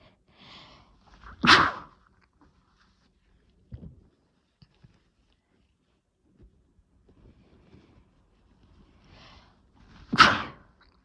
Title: Chhinkni Sneezes 5 (nb)